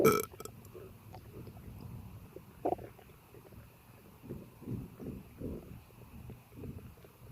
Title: Bloated active tummy digestion and burps! 💓💓